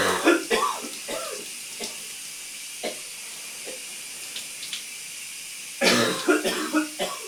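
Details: Bursts of wet, loose coughing with throat clearing under running water in a steamy shower: a productive cough.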